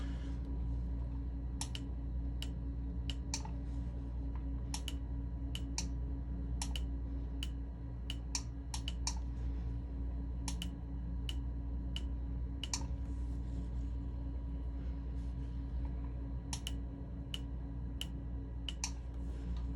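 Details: Sharp, irregular laser-pulse clicks over a steady low machine hum during a laser tattoo-removal session on eyebrows microbladed 7 years ago, whose pigment has migrated; sides are alternated to let the skin cool.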